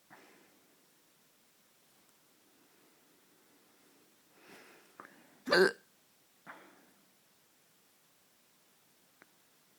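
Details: Late-night hiccups: a few sharp, abrupt hiccup sounds spaced irregularly in a quiet room, one louder than the rest; hiccups.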